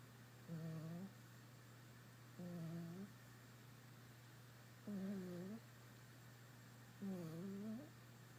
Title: Cute snoring puppy.